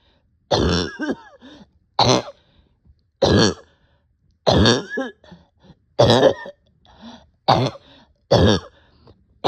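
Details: Patient short of breath with a barking cough: seven harsh, hoarse cough bursts, each followed by a short wheezy catch of breath.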